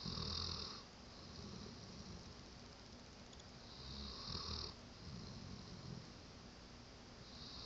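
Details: Snoring while sleeping on someone: two loud rasping snores about four seconds apart against steady room noise; ordinary snoring during sleep.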